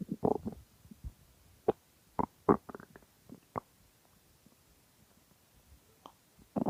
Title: Extremely Hungry Stomach Growling